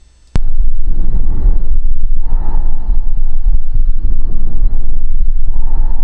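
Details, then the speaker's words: Recorded bronchial (tubular) breathing, stethoscope over the right middle lung field with pneumonia opacity/consolidation: loud, harsh, hollow breath sounds where soft vesicular sounds belong. "nós temos um indivíduo que no campo médio do pulmão direito tem uma imagem de opacidade correspondente a uma pneumonia uma condensação se nós colocarmos o estetoscópio aqui nessa região nós vamos ouvir um som que é da seguinte natureza"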